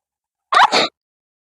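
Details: Deliberately provoked sneeze during a sneezing and nose-blowing vlog, induced with a thin stick pushed into the nose: a single sharp, explosive, brief and forceful sneeze, then silence.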